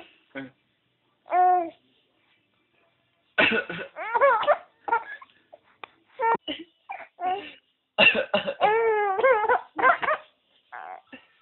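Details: Short deliberate adult coughs from a father answered by bursts of laughter from his 5-month-old infant; playful voluntary coughing, not illness.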